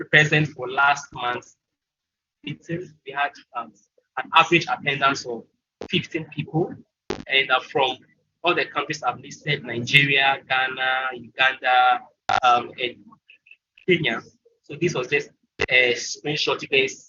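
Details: Stuttering in a presenter from Ghana at a stuttering support event, with frequent fillers and broken phrases.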